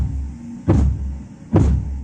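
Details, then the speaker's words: Blood pressure measurement with cuff and stethoscope: two soft, muffled low thumps about 70 a minute, fading as cuff pressure drops; phase 4 Korotkoff sounds (muffling), used as diastolic pressure when phase 5 is absent. "la fase 5 a menudo está ausente en estos casos la fase 4 nos va indicar el valor de la presión diastólica entonces escuchemos por favor"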